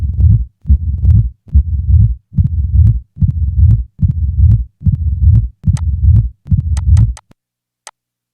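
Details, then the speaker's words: Simulated mitral stenosis at about 70 beats a minute: loud first sound, then a low rumbling mid-diastolic murmur, then presystolic accentuation and an opening snap added in sequence. "the following example will present each feature of mitral stenosis a loud first sound is followed by a mid-diastolic murmur the murmur will be introduced after the first few Cycles now a pre-systolic accentuation is added followed by an addition of an opening snap"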